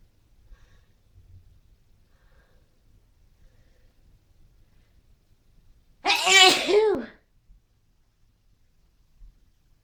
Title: sneezing and dusting